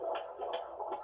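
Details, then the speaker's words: Fetal heart tones checked during a fast-progressing home water birth labor: quick, regular whooshing heartbeats about 150 a minute, a normal fetal heart rate. "a good heartbeat so we like that sound we would have probably wanted to listen longer"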